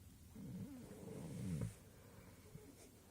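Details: Arwen napping on the sofa on the owner's arm, snoring: soft, low rumbling breaths with a fluttering, snorting quality.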